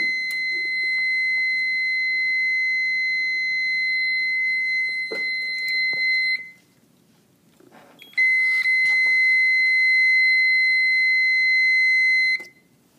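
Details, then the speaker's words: Baxter Flo-Gard 6201 infusion pump that would not turn on, tested after troubleshooting, with primary and secondary power sources replaced, battery connected and fuse intact: two long, steady high-pitched tones on power-up. "connecting the battery together the fuse intact and now plugging in to our source and we now have a tone"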